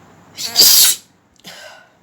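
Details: Mou in a sneezing and nose-blowing challenge: a single loud, explosive sneeze followed by a softer hissing breath out; sneeze.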